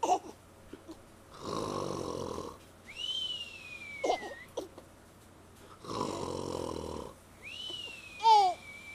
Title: Baby Nick hates daddy snoring